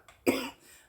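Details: Single short dry cough burst in a quiet room from a woman smoking cannabis.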